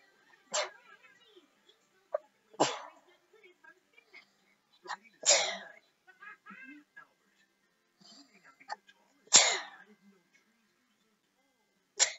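A series of sharp, explosive sneezes, about five in twelve seconds, with quieter sniffs and small sounds between them.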